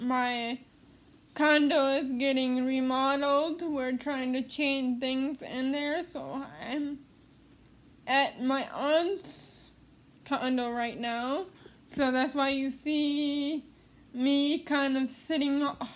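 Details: Adult woman living with cerebral palsy who attends speech therapy; dysarthria (cerebral palsy).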